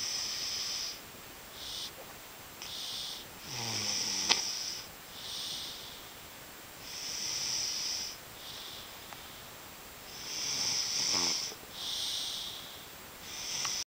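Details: A person snoring hard during the night: repeated hissing, whistly breaths about 17 a minute, some with a short rattle, over room hiss; snoring.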